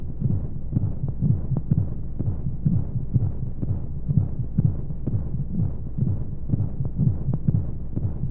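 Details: Womb sound played as a sleep aid for babies: regular low thumping beats at roughly 125 a minute over a steady whooshing background of flowing sounds and white noise; a heartbeat as heard inside the womb.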